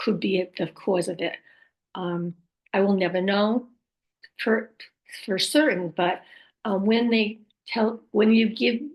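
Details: Adult woman speaking; post-stroke aphasia with apraxia of speech and dysarthria.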